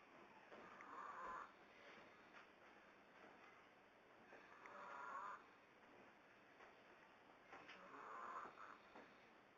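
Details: Son snoring with a booger in his nose; he says he doesn't snore. Soft, whistly nasal snores repeat about every 3.5 seconds over room noise: snoring with a nasal whistle.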